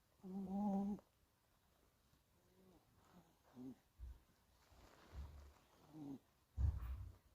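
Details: Scottish Fold kitten sleeping, giving soft, irregular snoring and snuffling breaths with a brief squeaky vocal note at the start: snoring.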